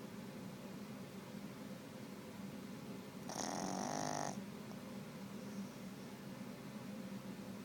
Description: My Boston Terrier Stewie laying on my lap asleep, snoring his little head off.